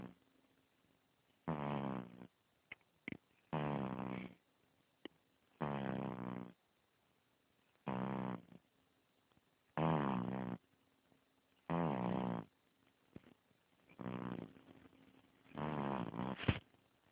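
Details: Sleeping infant snoring: regular soft, buzzing snores about 30 per minute with quiet pauses between.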